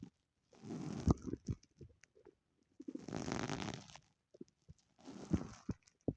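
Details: Own stomach growling, audio only: three long low gurgling rumbles with short squelches between them; ordinary borborygmi from gas and fluid moving through the gut.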